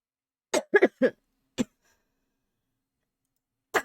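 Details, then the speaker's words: Streamer ill for five days, coughing on a live stream despite medicine and a repeat ENT clinic visit: a run of four short harsh coughs, then one more cough a few seconds later, in a quiet room. "나의 기침 소리가 여러분들한테 너무 시끄럽지 않기만을 바라는 거지 뭐."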